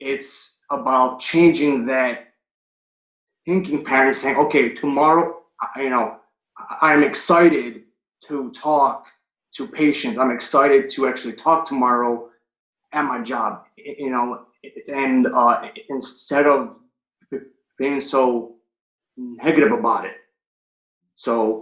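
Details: Adult male firefighter paramedic and Marine Corps veteran, stuttering since third grade, recorded before starting stuttering coaching (stuttering).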